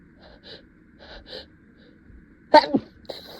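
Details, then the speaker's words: Acted sneeze in a simulated custom scenario, dust in a cave tickling the nose: soft breathy catches of breath build up, then one sharp explosive sneeze. "the dust is really bad in here it's just really tickling my nose oh God it's it's coming again I can feel it"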